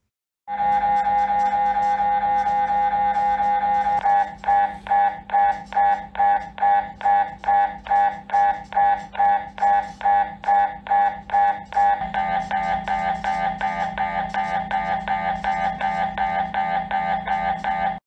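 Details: MRI scanner running: loud droning buzz, then rapid regular pulsed knocking at about 140 a minute, typical of imaging sequences.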